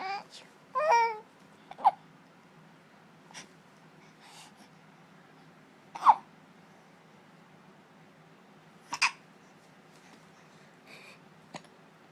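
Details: Infant at 17 weeks babbles, then makes brief, abrupt hiccup sounds every few seconds; hiccups.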